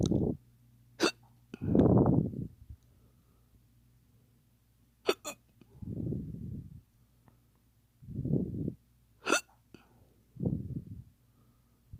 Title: Hiccups fake sexy